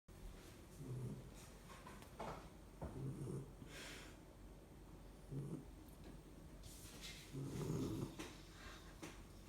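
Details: Puppy that has always snored very loudly, snoring in sleep: repeated low rattling snores with each breath, about four in nine seconds, over quiet room noise.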